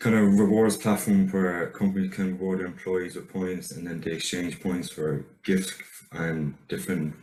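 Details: Man who stutters, recorded on the first day of his first stuttering therapy course before treatment; self-reported stammer; stuttering.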